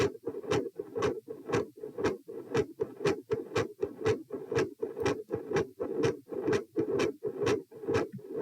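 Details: Heart sounds recorded at position P during a change from sitting to standing: consistently loud S2, variable S1, and episodes of murmur.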